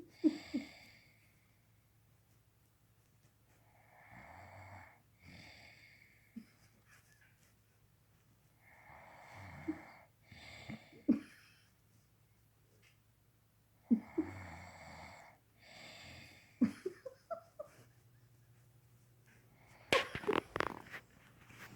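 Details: Irregular rough, rattling breaths with some wheezy, tonal noise during sleep, with a few sharp noises near the end: snoring.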